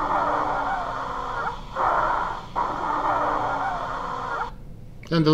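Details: Repeated high-pitched musical whistling tones over breathing, from turbulent airflow vibrating narrowed or compressed small airway walls; wheezing.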